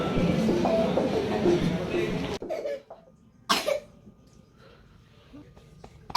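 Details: Young child hospitalised 3 nights with pneumonia after a fever over 40°C and months of unrelenting cough: single sharp cough burst after a quiet pause amid room noise; pneumonia cough.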